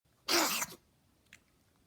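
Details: One harsh, breathy hacking cough from a cat, followed by a faint click; owner suspects a hairball from swallowed fur.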